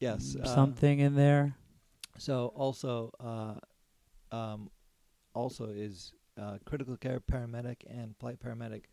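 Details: Aphasia in an adult man after a stroke during surgery about eight and a half years earlier; could say only one word for about a year afterwards; ongoing speech therapy; word-finding difficulty.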